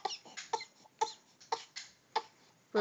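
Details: Series of short, sharp coughs from an infant, repeating about every half second, with a brief squeaky voiced edge; infant cough.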